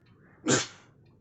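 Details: Staged comic skit about sneezing during the coronavirus period: a single short, explosive sneeze with a hissing burst of air, preceded by a faint breath in.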